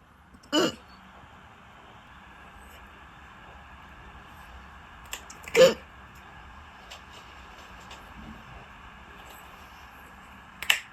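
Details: A female dachshund with hiccups she can't get rid of: three brief, sharp, isolated hiccup bursts spaced a few seconds apart over a quiet room hum.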